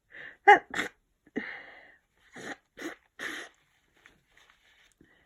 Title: Sniffly cold sneezing 3